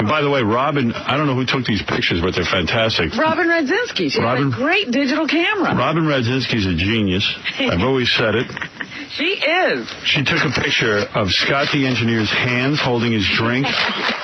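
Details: Adult male speaker; Normal fluent speech.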